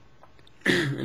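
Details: Adult woman with Tourette syndrome diagnosed at age 12, with chronic barking, screeching and throat-clearing tics; phonic tic (throat clearing/grunt).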